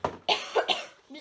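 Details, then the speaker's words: Adult woman with a cough she says will last the whole video; a quick run of three or four short, partly voiced coughs in a small room, an ordinary cough. "Ecco, vi volevo dire che mi sentirete con la tosse tutto il video. Mi dispiace per voi, non parlerò tantissimo."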